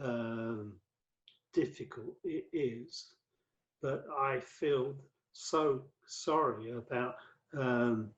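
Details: Adult male with aphasia after a massive 2013 stroke that left him paralyzed; five strokes (2007–2015), cerebral amyloid angiopathy; mainly word fluency, worse when tired or stressed, with reading and writing difficulty; aphasia.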